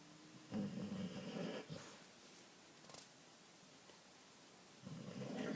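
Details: Snoring in a springer spaniel dog: two rough, rumbling snores separated by a quiet pause in a small room.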